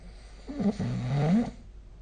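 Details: Snoring during sleep recorded with a phone snore app: a single rough, low, vibrating breath rising in pitch over about a second; snoring.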